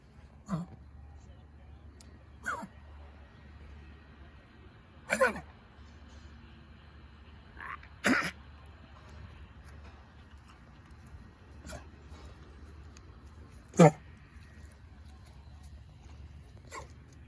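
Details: Dog coughing: about seven short, sharp coughs at irregular intervals with quiet room noise between; cough.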